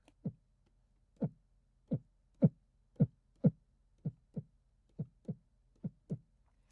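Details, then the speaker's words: Normal heart sounds in a heart-function teaching recording: clear low lub-dub beats at about 60 a minute, showing the first (S1) and second (S2) heart sounds. "And we can see how that's going to correlate with these heart sounds. So here is S1 and here is S2."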